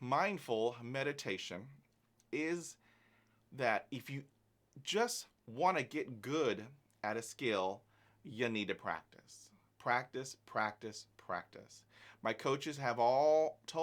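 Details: Adult man who stutters, manages it with learned techniques and practice, and takes no medication for it; stuttering.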